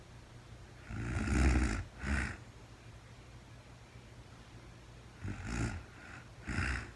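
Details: Real-time recording of a woman asleep overnight, very tired, no talking (labelled REM sleep): rough, rattling snores in paired bursts over a steady background hiss; snoring.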